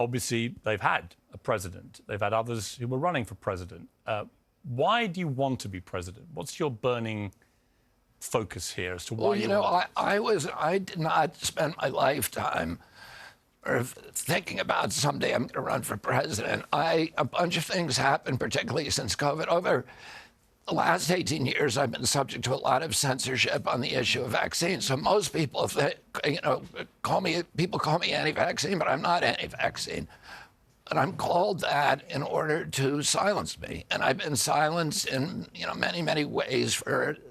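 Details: Adult man; onset at age 42 after a 1996 injury; nerve signals make his vocal cords tighten constantly; surgery in Kyoto about eight months earlier made his voice more reliable, now alternative therapies; spasmodic dysphonia (adductor spasmodic dystonia).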